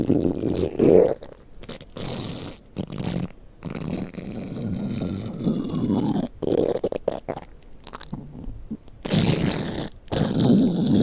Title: my stomach growling